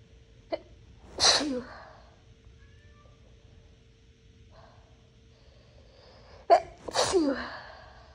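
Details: Two forceful sneezes, each after a sharp intake of breath, with a steady room hum, deliberately induced with a Q-tip by a person who is not naturally sneezy. Their nose was burning after bathroom cleaning, possibly from Clorox. A cat may be heard.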